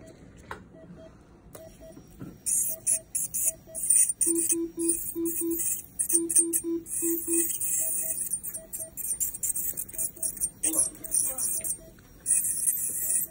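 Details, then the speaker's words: Ultrasonic scaling of a dog's teeth, starting from the back, after checking that the scaler works and water flows: a high, hissing whine in bursts, with spraying water and short beeps. "Okay, so we're gonna ultrasonic scale, but I'm just gonna check to make sure this is on and working and there's water flowing."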